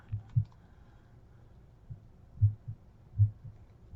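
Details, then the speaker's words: Normal S1 and S2 heard at the pulmonic area, Erb's point, tricuspid and mitral areas in a female patient during a simulated health assessment: soft paired low lub-dub thumps at about 78 a minute with no extra sounds. "s1 s2 and pulmonic area s1 s2 at herb's point s1 s2 at tricuspid area this one is two and all points she sounds pretty darn good don't"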